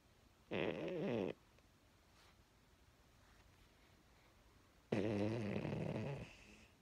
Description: Little dog snores louder than a grown man!